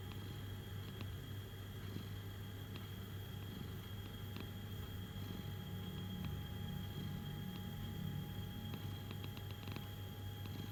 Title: My cats snoring and purring while sleeping.